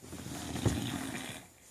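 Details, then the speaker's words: Female dog, apparently young with baby teeth, lying on her back and snoring while awake; a low, rumbling, snort-like breath lasting about a second, possibly hard to breathe on her back. Snoring. "okay you're snoring while you're awake oh is it hard to breathe on your back hard to breathe"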